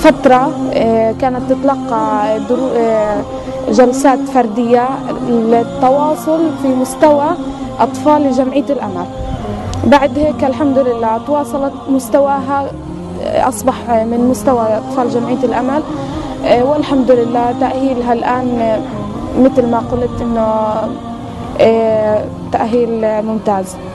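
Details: Adult woman speaking Arabic; typical adult speech.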